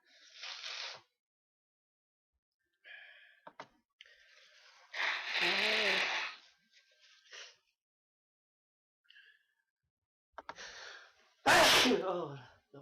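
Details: A person's series of repeated sneezes, each a hissing build-up and gasping in-breath ending in a voiced burst, with quiet pauses between them; sneezing fit.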